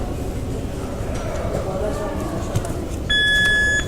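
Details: Room noise and a faint voice, then a steady electronic beep from an AED in a training demonstration, as the adhesive pads are placed before rhythm analysis; an AED alert beep.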